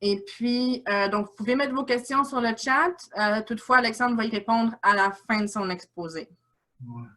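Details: Adult speaker (host); typical speech.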